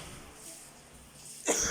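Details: A single sharp cough burst after a quiet stretch, from a man still coughing while cooking, having just recovered from an illness.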